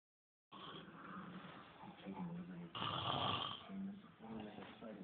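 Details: Continuous rough, buzzing breathing noise with a vibrating, groaning quality and a louder swell midway, consistent with snoring.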